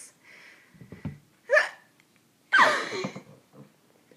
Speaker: My hiccup sounds so funny.